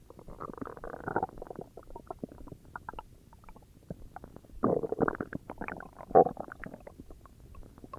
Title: Stomach growls